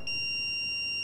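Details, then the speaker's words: Training AED in adult mode during a real-time CPR demonstration: a steady, high electronic tone after shock delivery, just before the prompt to begin CPR; AED post-shock prompt tone. "press the flashing orange button now deliver shock now thank you shock delivered carry on"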